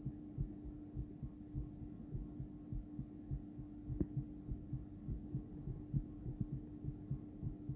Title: Female heart, ultrasonic view, heartbeat sound